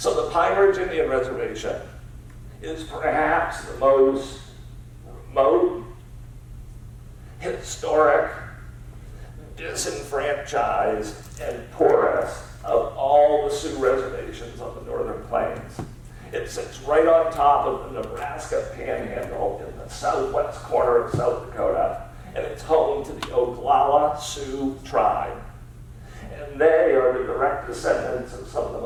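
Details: Adult man with spasmodic dysphonia, a rare neurological disorder affecting only speech, of unknown cause, treated with periodic Botox injections, speaking in a real keynote talk; spasmodic dysphonia.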